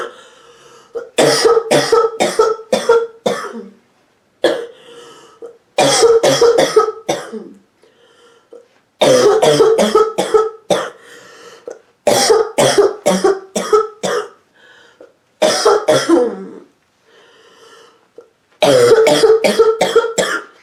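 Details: Sick adult woman: repeated fits of deep, harsh, barking, hacking coughs, several in quick succession with short gasping breaths between: barking cough.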